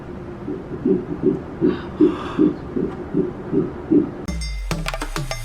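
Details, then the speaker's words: Fetal heartbeat on first-trimester ultrasound, with the flickering heart visible: rapid, regular whooshing beats around 160 a minute, then a sudden switch to clinking noise. "and you can see the little flickering there, which is the little heartbeat. Ah. Can we hear it? I think we should be able to hear it."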